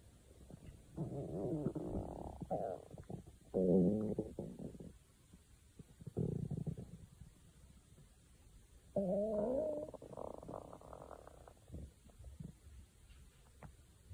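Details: Several long, gurgling, rumbling gut noises with quiet gaps between them; stomach growling (borborygmi).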